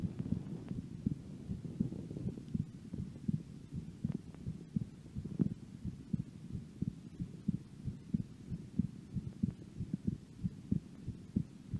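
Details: Soft, steady, low heartbeat thumps at roughly 90 a minute under a faint hum, recorded during a breath hold.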